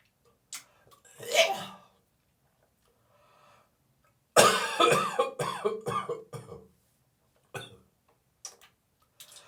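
A harsh throat-clearing hawk, then a run of about six dry, harsh coughs with retching, gagging sounds, followed by short spitting noises: a dry cough with gagging.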